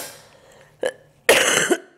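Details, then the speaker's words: Adult still suffering from a cold: a short cough burst, then a longer, harsh cough, two coughs in all; the speaker says it sounds like a 40-a-day smoker's cough. "And I'm going to apologise about this cough. It sounds like I'm a 40-a-day smoker."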